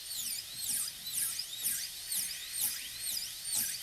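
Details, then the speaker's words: High-speed dental handpiece cutting a PFM crown preparation on a typodont maxillary tooth, bur leaning toward the tooth axis with its end kept 1 mm above the gingiva: high-pitched whine rising and falling as the bur cuts. "And we'll cut in again, and I'm still keeping the end of the burr 1 millimeter above the gingiva."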